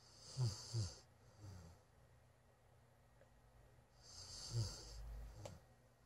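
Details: Golden Retriever that fell asleep in a room, snoring: two slow breaths, each with low fluttering rumbles and a soft hissing airflow on the inward breath, in a quiet room.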